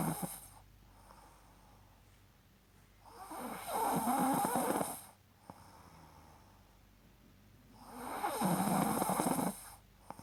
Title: My snoring moment 😁